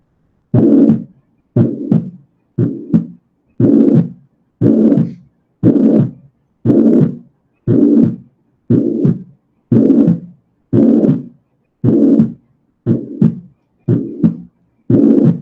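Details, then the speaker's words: Tricuspid regurgitation heard at the tricuspid area, left lower parasternal border near the fifth intercostal space: a steady heartbeat near 59 a minute, each beat carrying a long rushing holosystolic murmur. "Como podemos ver en esta imagen, serán soplos continuos o los sistólicos, ¿de acuerdo? Y vamos a escuchar muy similar al foco mitral."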